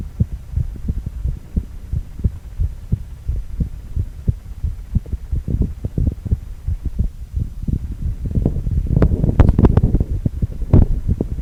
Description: 4-chamber View of male heart with heartbeat sound.